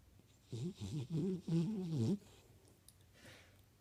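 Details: Female asleep at night, twitching her face, with low, fluttering, grunting sounds in a few bursts over a couple of seconds, then quiet breathing; snoring.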